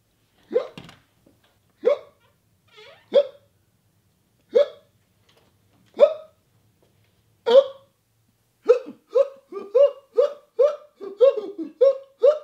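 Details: A friend's hiccups with failed attempts to help: repeated short, sharp voiced hiccup sounds, spaced out at first and then coming quickly in a run.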